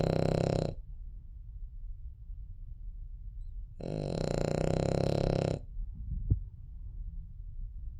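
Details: A sleeping Cavalier dog snoring: long, loud, buzzing grunting snores separated by quiet breathing.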